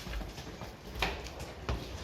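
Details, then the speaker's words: Calves in a pen during a pneumonia outbreak, treated with long-acting antibiotics: two short, sharp coughs, described as respiratory disease spreading from calf to calf. "but you can hear a few coughs coming which is just great"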